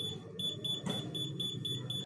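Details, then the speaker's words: Dental apex locator used in root canal treatment to measure working length: high pulsing electronic beeps signal that the file has reached the tooth apex, meaning accurate working length. "एक device है जो आपका working length suggest करता है। जब आप accurate working length यानी टुथ apex पर आपकी फाइल पहुंच जाती है तो यह"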